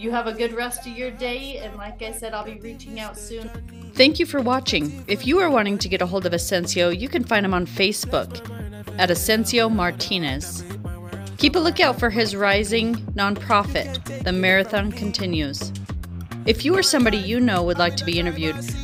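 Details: Adult woman speaking, background music; normal speech.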